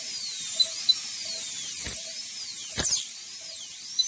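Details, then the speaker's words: Pet dental procedure. A high-pitched whining dental drill with shifting pitch gently bisects a two-rooted tooth down the middle so each root can be extracted. "So what we're going to do is just come in through here, we'll start the drill going, and then we're going to bisect this tooth right down the middle."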